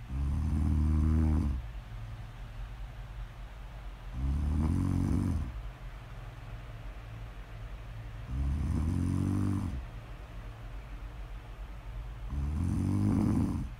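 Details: Steady low snoring: four rumbling snores on the in-breath about every four seconds, with quieter breathing between; snoring during sleep.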